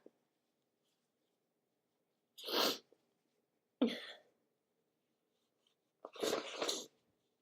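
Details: Sniffly person on waking in cooler weather, not sick, with natural and tissue-induced sneezes: three separate sneezing bursts over several seconds in a quiet room.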